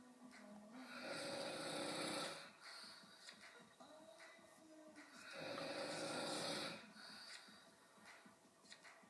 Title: What I'm Selling (Sorry for snoring)